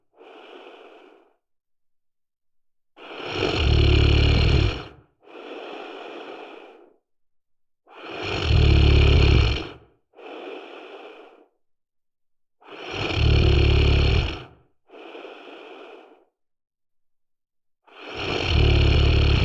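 Deep, rumbling snores on each breath in, with softer breathy exhalations, about 12 breaths a minute, very regular.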